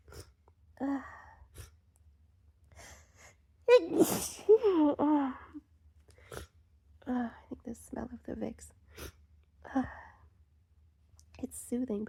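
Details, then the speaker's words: Adult with a sneezy cold, nose tickling: a gasping build-up, then a sharp sneeze and a second burst, with sniffing and soft vocal noises in a quiet room; sneezing. "it also tickles my nose. It makes me want to sneeze."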